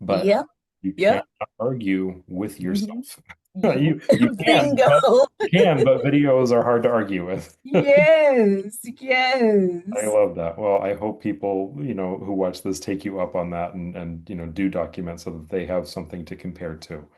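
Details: Adult conversation, two speakers; normal speech.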